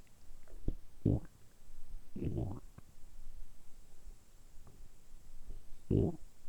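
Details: Deliberately produced stomach rumbling recorded for ASMR: a few deep gurgling rumbles with quiet gaps; borborygmi.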